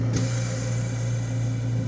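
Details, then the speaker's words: Invacare home-fill oxygen concentrator and compressor running together, drawing about 425 watts, compressor starting at near zero PSI: steady low motor hum with a faint higher whine; running normally. "with the concentrator going [Music] we're at call it an average of 425 watts and I would imagine that the compressor will take more power at a higher pressure than it will at a lower pressure"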